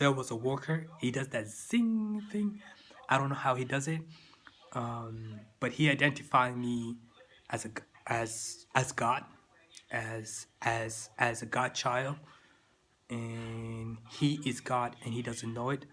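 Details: Adult man with stuttering that began in childhood and persists into adulthood.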